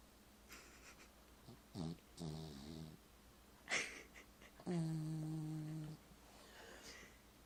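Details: A dog snoring while asleep: a few throaty, rattling breath noises and a drawn-out groaning breath in a quiet room.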